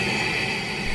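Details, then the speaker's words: Steady, even mechanical hum with a hissy airy quality: the running sound of a CPAP machine used for sleep apnea. "world humming that's the sound of a CPAP about half of the people who are prescribed to see if happened don't like it and don't use it"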